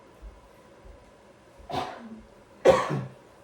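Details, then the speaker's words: Adult patient doing a directed cough during Aerobika PEP therapy instruction after huff coughs: two short dry coughs without rattle, bringing up little; lungs had little crackling or secretions; normal directed cough. "Okay. And now let's do like the 1 directed cough. Just a normal, just."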